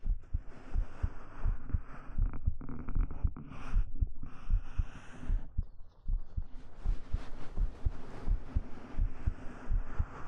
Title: Let Me Hold You Close~ [3DIO ASMR] [Minimal Talking] [Hugs] [Fabric Sounds] [Stroking] [Heartbeat]